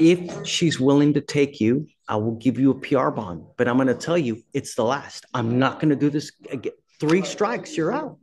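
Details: Adult woman speaking; no disorder.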